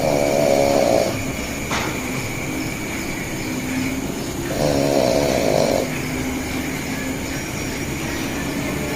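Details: Snoring: two loud, rough, buzzing snores on the in-breath, about four seconds apart, with noisy breathing between them.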